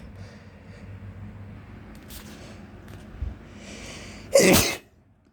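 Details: Sneezing after getting home from a gym workout in spring. Nose is itching, with heavy breathing, and the person suspects outdoor plants are the trigger. Quiet breathing, then one loud, explosive sneeze.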